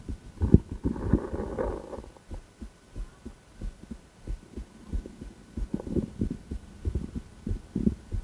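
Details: Female heart auscultated with a stethoscope on a heart tour: after a second of rubbing from the chest piece, regular low thumps at roughly 90 a minute; ordinary heart sounds.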